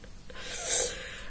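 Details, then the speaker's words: Snoring from a sleeping pet in a quiet room: a single loud, hissing, snort-like breath. "je suis vraiment désolée pour les bruits en général ça vous dérange pas mais bon parfois elle ronfle sacrément fort"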